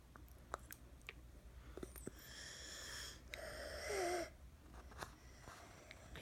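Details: Two harsh, high-pitched, whistling inspiratory breaths in a child: inspiratory stridor with croup cough.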